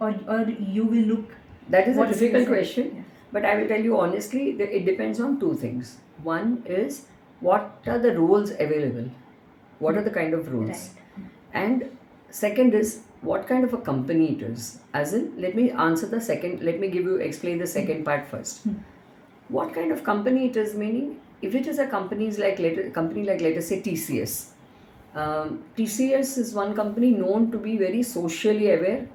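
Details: Adult speaker in interview; ordinary speech.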